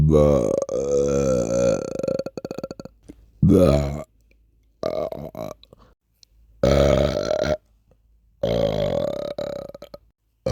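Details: Several long, deep, rumbling sleepy burps with gurgling breaks and pauses between them; burping.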